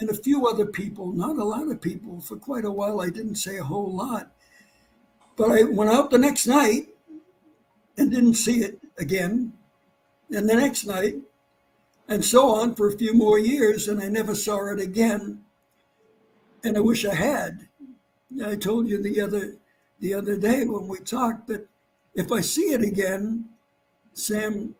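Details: Adult man who had vocal cord cancer and operations; his voice was lost, then partly returned, and it does not carry far. Dysphonia after vocal cord cancer surgery.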